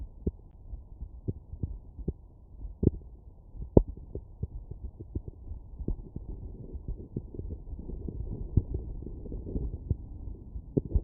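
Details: Child at rest, stethoscope membrane at the mitral area in left lateral decubitus position: soft repeated heart thumps with rubbing and handling noise, normal heart sounds.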